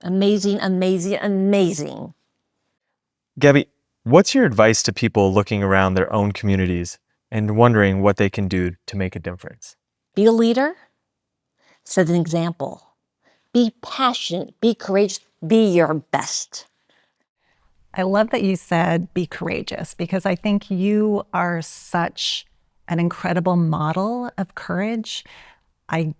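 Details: Aphasia in an adult woman, acquired after she was shot in 2011; she is relearning how to talk and works with a speech-language pathologist.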